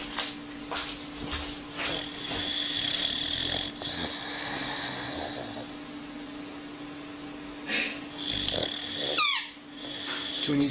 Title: Old dog is snoring very funny like a human